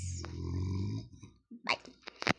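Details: Snoring from a sleeping father in the background while someone else talks.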